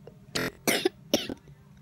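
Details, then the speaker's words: Cough in someone who says they currently have a cough: three short, dry coughs in quick succession, the last ending in a brief throat-clearing sound. "aduh maaf gue, aku lagi batuk nih."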